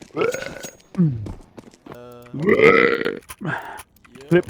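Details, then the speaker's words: A gamer deliberately burps during an online game: long, low, drawn-out voiced belches between bursts of talk and laughter; burping. "said that was [ __ ] beast yeah yeah sorry about that I had to let that one out"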